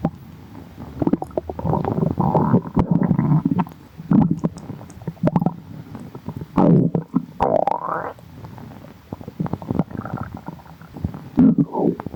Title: Thank yall for 100 subscribers!!💝 | stomach growling